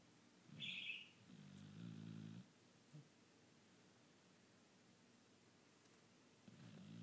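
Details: A sleeping female dog snoring loudly: quiet, irregular snuffling snores with a faint whistle on one breath.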